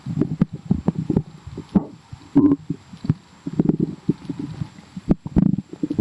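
Irregular bubbling gurgles and pops, some louder squelches, all low-pitched; stomach growling, a normal sound of gas and fluid moving through the gut.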